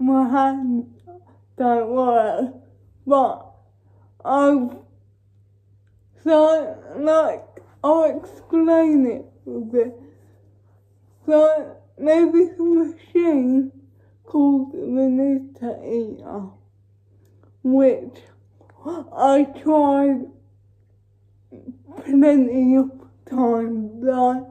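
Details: Female with cerebral palsy talking while feeding herself with a Neater Eater feeding aid; dysarthria (cerebral palsy), no speech disorder formally named.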